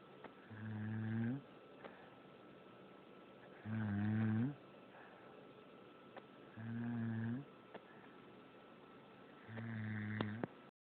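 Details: Person snoring: regular, loud snores on each in-breath, about 20 a minute, with quiet pauses between.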